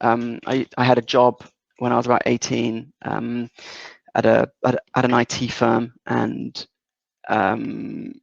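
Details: 37-year-old man, a lifelong stutterer, whose stutter is strongly affected by his confidence; stuttering.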